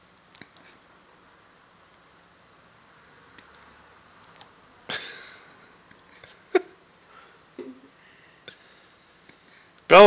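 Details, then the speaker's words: A pit bull dog with hiccups makes brief, abrupt gulping clicks at irregular intervals in a quiet room; dog hiccups. "Bella, what's wrong? Do hiccups make you sad?"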